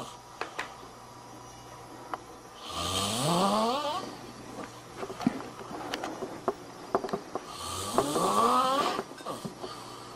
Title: How-to Cure-excessive-Snoring